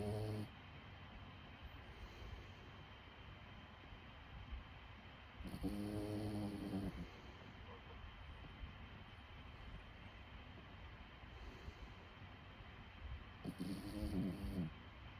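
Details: Dog snoring: low, rumbling snores recurring several seconds apart over a steady background hum.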